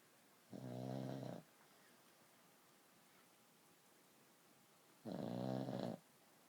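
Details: Pug puppy snoring: two loud, rumbling snores about four and a half seconds apart, with quiet breathing between them.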